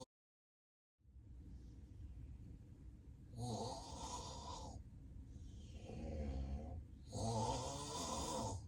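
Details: Self-recorded real, unplanned daytime nap of a person with sleep apnea and extreme daytime sleepiness: loud, rough snores in quick succession with heavy breathing between them, typical of severe obstructive sleep apnea.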